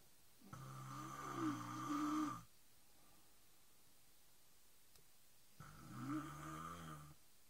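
Two long, vibrating, buzzy snores on the in-breath, about five seconds apart, with a quiet room between. Typical snoring.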